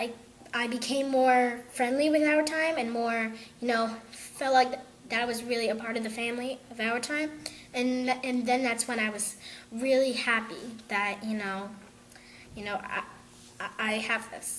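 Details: Young girl who stutters, seeing two speech therapists; she says she used to stutter on every word and now stutters less often; stuttering.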